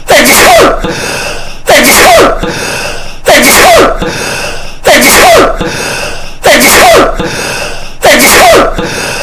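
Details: Sneezing: six loud, identical sneezes at a steady pace, each a sharp intake then explosive burst, looped and heavily distorted (earrape edit).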